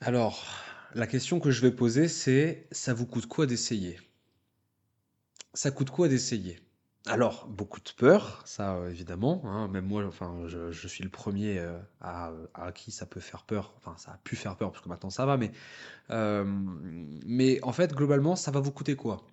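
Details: Person who stutters, speaking French, with a mild repetition ('la la'); stuttering.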